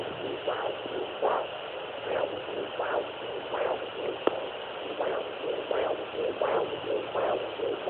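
Rhythmic whooshing pulses over a steady hiss, typical of a handheld Doppler picking up a heartbeat during pregnancy.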